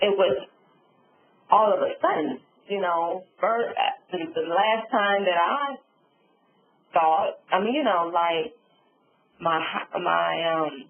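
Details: Adult female stroke survivor with aphasia with apraxia of speech following a subarachnoid hemorrhage and stroke; she reports sometimes being unable to think of the word.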